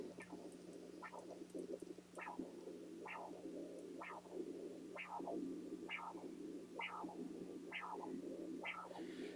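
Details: Pulsed wave Doppler on a Philips CX50 portable ultrasound with linear transducer, no ECG attached, demonstration: rhythmic whooshing pulses about 60 a minute over steady hum; pulsed wave Doppler signal.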